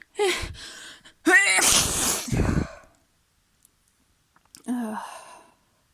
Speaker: My nose is so tickly right now. Oh, I'm so messy. Oh. Oh. I think I need to sneeze again.